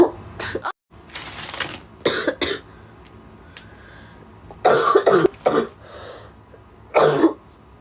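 About six to eight short, dry coughs in clusters with quiet pauses between; repeated coughing.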